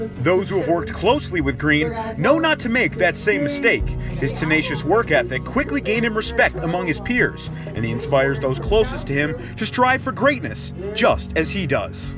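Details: Adult male narrator; typical speech.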